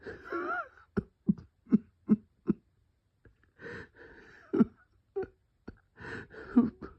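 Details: Bronchospasm with cough and wheeze.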